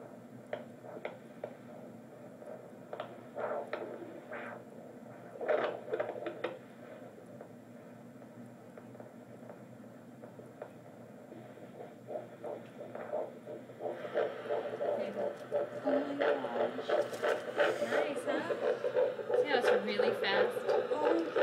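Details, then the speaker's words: Fetal heartbeat on Doppler, heard for the first time: scratchy probe noise gives way to a fast, steady whooshing heartbeat in the 170s to 180s range, described as perfect. "goodness it sounds great it's the 170s to 180s range so it's really fast and perfect is perfect"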